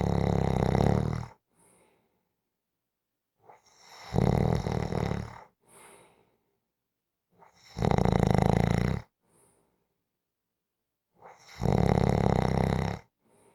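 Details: Snoring: loud, harsh snores on inhalation about every 3.7 seconds, roughly 16 a minute, each followed by a soft puff out.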